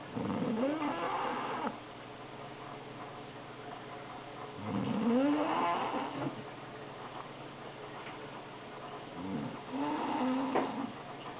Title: greatest snore ever